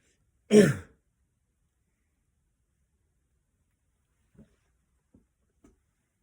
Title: NFL playoff Contenders or Pretenders. Sorry for clearing my throat so much.